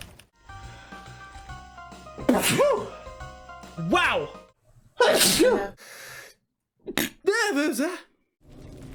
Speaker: wow now that was a sneeze that happened and then i'm going to sneeze oh sorry i'm allergic to seafood